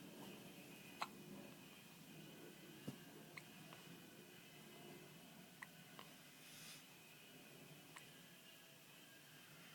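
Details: Twelve-day-old baby with hiccups, falling asleep: faint, sharp, irregular clicks over quiet room noise, several within ten seconds.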